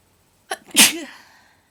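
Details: Induced sneezing: a short in-breath followed by one sharp, explosive hissing burst; sneezing.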